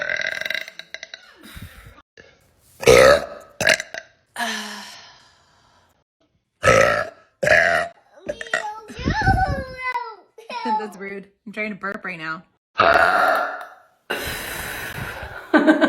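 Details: Compilation of one person's loud, drawn-out belches, some gurgling and voiced, separated by pauses and brief speech; burping.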